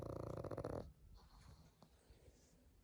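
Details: A pug snoring: one short, low, fluttering snore, then quiet breathing with faint background noise.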